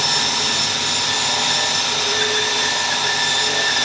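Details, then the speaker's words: Steady high-pitched whine of a dental drill running continuously at slow speed, removing hard deep caries during access opening of a grossly decayed mandibular first molar for root canal treatment. "So we need to use the bar over here. And we using it in a slow speed so that we can understand how we are progressing into the to"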